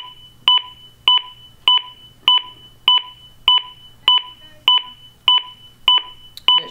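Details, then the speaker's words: Steady, sharp electronic beeps at about 100 per minute from a Zoll AED on a simulator after shock delivery and pressing the CPR button during inspection; CPR compression metronome. "so then at this point you're gonna push the CPR button here and it should go through and start to provide the net metronome"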